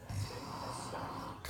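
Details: Single low, rattling snore on breathing in, recorded after work; snoring.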